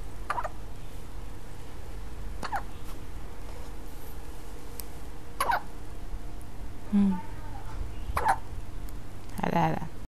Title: Baby Hiccup ~